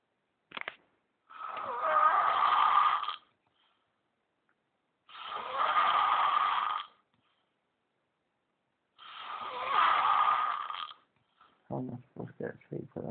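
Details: Male friend asleep in the background at about 1 a.m., giving three long, harsh, rattling snores at about 15 a minute with a brief snort at the end; loud snoring.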